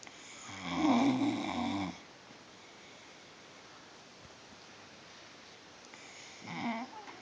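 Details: Two loud, rough, rattling snores several seconds apart, with quiet room noise between them: snoring.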